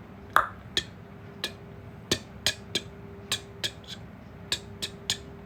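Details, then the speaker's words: Imitated heart sounds in a lecture on aortic stenosis: sharp tapped clicks in groups of three mimic S1 followed by a split second sound, contrasting normal splitting with the reverse split of aortic stenosis. "let's say uh the normal thing is you you're the P you hear the aortic sound before the Peterson so basically the sound is going to be like uh S1 P2 A2 like"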